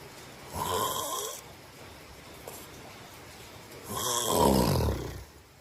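Two drawn-out, fluttering snores about three seconds apart, with quiet room sound between; ordinary sleep snoring.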